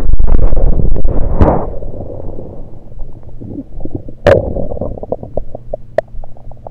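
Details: Abdomen recorded with a USB electronic stethoscope, not during digestion, only liquids taken beforehand: rumbling gurgles with bursts of quick bubbling pops; ordinary active bowel sounds.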